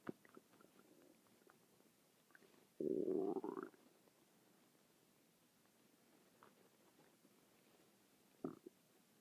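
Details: Persistent stomach noises continuing for about 6 minutes: a loud, rising gurgle with faint clicks around it, ordinary bowel sounds (borborygmi).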